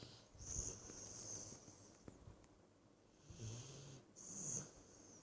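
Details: Sleeping Staffordshire bull terrier dog snoring while lying on owner's shoulder: soft noisy breathing with whistling, hissy snore noises on each breath in a quiet room.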